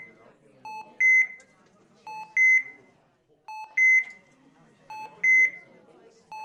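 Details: Intensive care unit ambience: repeating paired monitor alarm tones, lower then higher, about every 1.4 seconds, with faint hospital chatter behind.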